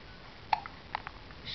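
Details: Baby with hiccups after eating fast and guzzling, two or three brief, sharp, soft catches in quiet room noise; hiccups.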